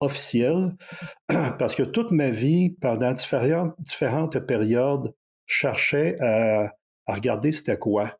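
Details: 64-year-old recently retired adult who stutters, who chose to change his relationship with stuttering after retiring, over a year ago; stuttering.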